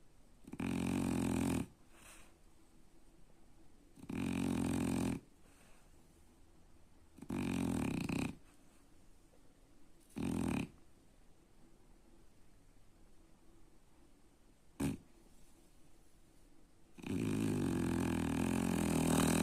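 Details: Sleeping dog: loud rattling snores at each breath in, roughly every three seconds, with quiet pauses between; ordinary snoring.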